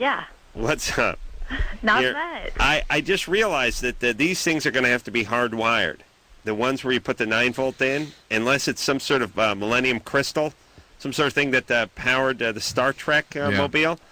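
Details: Adult male speakers on radio; Normal speech.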